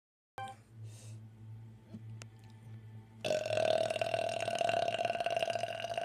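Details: Burp after drinking Lipton tea: a long, loud, rumbling belch following a short quiet start; burping.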